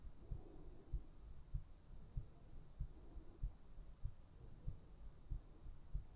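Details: Steady heartbeat for an ASMR sleep recording: soft, regular low thumps at about 95 beats a minute over a faint hum.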